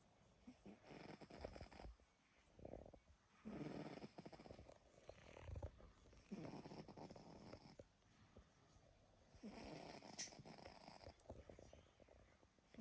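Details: Rough, fluttering snores in repeated bursts with quiet pauses between breaths, from a sleeping animal: snoring.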